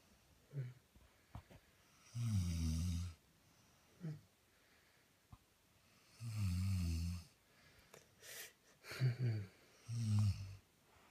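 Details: Loud, deep, rattling snoring roughly every four seconds, about 14 breaths a minute, with quieter breaths between.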